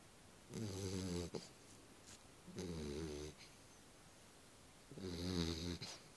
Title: Ben sleeping ^^ (dog snoring)